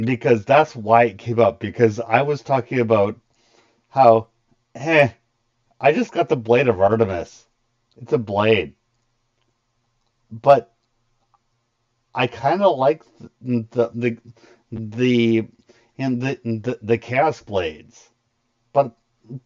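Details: Speaker on a livestream who has a stutter and has had speech therapy for it; stuttering.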